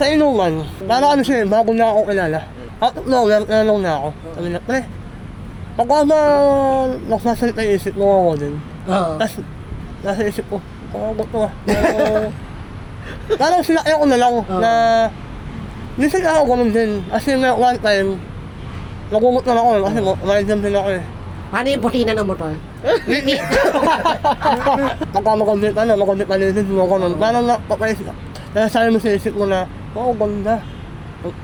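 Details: Young man with a self-described nasal voice; hypernasal speech.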